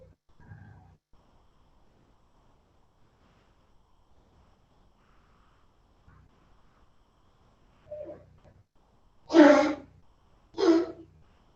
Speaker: that's our little dog coughing you can hear that